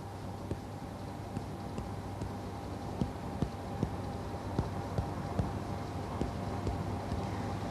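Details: Direct chest percussion in a respiratory examination: about sixteen short, hollow taps at roughly two per second against a steady room hum, a normal resonant note compared on both sides of the chest.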